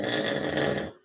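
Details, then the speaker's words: Adult man asleep gives a single rough, rattling, buzzing breath about one second long, fading at the end; a snore. "I woke him up and I told him to stop snoring, and he said he wasn't snoring. Yep. Yes. But he says he's not snoring."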